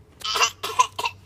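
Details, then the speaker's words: Young child asked by mother to show their terrible, persistent cough: coughing; mother calls it awful. "cuz you keep coughing you have a terrible cough let me hear it"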